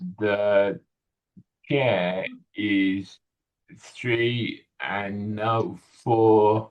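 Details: 65-year-old male with Broca's aphasia in a real tele speech therapy session on a picture-based word-retrieval task; non-fluent speech with word-finding difficulty; Broca's aphasia.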